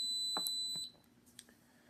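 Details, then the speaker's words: Portable oxygen concentrator (1–5 L pulse or smart dose, no continuous flow) powered on by holding the button about 3 seconds: a steady high-pitched beep lasting under a second; initial oxygen purity 69%. "Okay, so we're going to go ahead and turn it on. So just hold the power button in for about 3 seconds."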